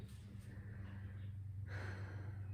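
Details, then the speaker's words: Deep inhalation and exhalation on request during stethoscope auscultation of bronchial breath sounds over the trachea, part of a respiratory health assessment: soft airy breath, then a stronger deep breath, over low room hum. "So I'll have you take a deep breath. Exhale."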